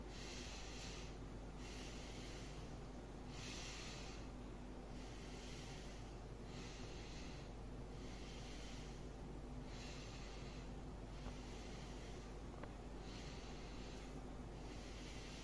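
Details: Normal vesicular breath sounds on posterior chest auscultation from top to bottom comparing both sides, during a physical lung examination; all findings within normal limits.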